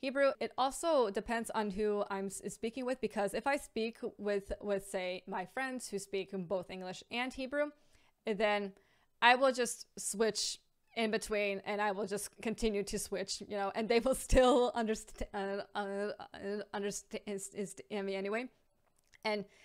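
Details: Stuttering (stammer), real, in an adult woman with a lifelong stammer.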